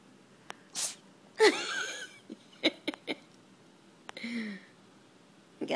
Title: sneeze attack